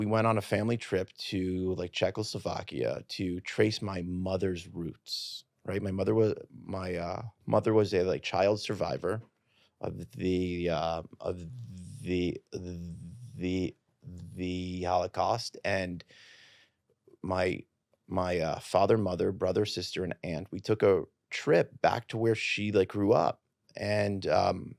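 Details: Adult man who has stuttered since childhood, was not fully fluent when he began teaching and is now rather fluent; stuttering.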